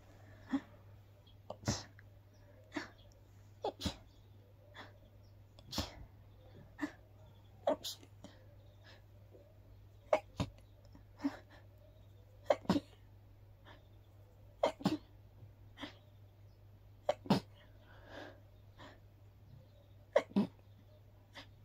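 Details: Adult's repeated allergic sneezing after a walk in the park, attributed to grass pollen: a long run of soft, breathy sneezes, often in quick pairs, over a low steady hum.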